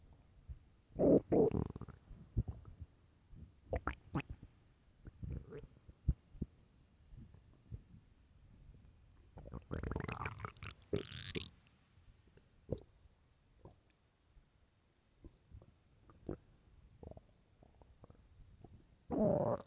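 Frequent low gurgles, pops and rumbles with a few longer growls, recorded close up in a quiet room; ordinary stomach growling.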